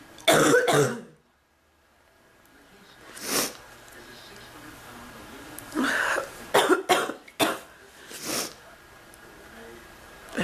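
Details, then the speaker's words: An adult who is still unwell, mentions bronchitis and complains of chest pain, gives several harsh coughs in bursts with quiet gaps between them. "I'm still not any better. I've been coughing so much the bird learned to cough."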